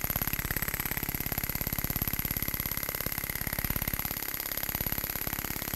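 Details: Storz Medical radial shockwave device with a Spine-Actor transmitter, used for paravertebral muscles, trigger points, muscular imbalance and pain: rapid, steady mechanical tapping at about 200 pulses a minute with a constant high whine.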